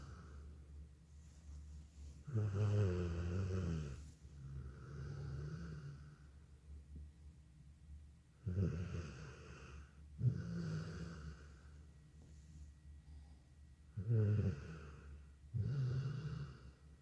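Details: Sleeping dog snoring heavily: loud, rattling snores on each breath in with quieter breaths out between.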